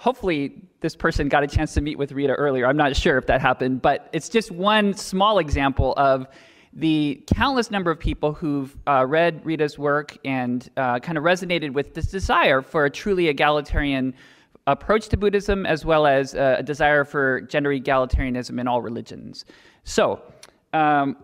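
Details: Adult speaker; normal voice.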